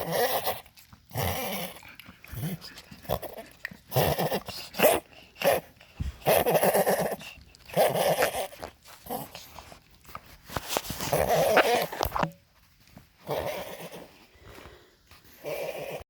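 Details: Dog giving repeated harsh, hacking cough bursts in a long run, some with a rough, honking edge; cough.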